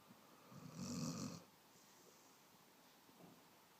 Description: Cute dog (...cute...ok...usually it is...) sleeping and snoring.